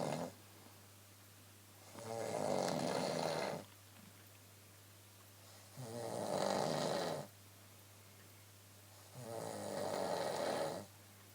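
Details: Adult woman snoring at night around 1:15 am, a nightly problem: regular loud rasping snores about 15 per minute, each over a second long, with quiet gaps and a low background hum.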